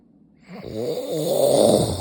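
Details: Adult man (husband) snoring loudly, as he does every night: one loud, rattling breath that builds over about a second and a half.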